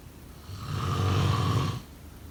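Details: Single deep, rumbling snore lasting about a second during an inward breath; snoring.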